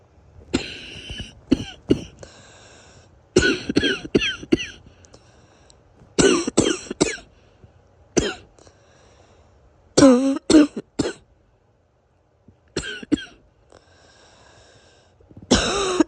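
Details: Morning cough after days of sniffling and coughing following a sudden drop in temperature: repeated clusters of coughs with a faint whistling, wheezy quality; somewhat wheezy cough.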